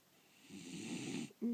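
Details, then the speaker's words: One low, rumbling snore on an in-breath, then a brief louder noise at the end; snoring. "а Лилю ну посмотри Ну хватит храпеть"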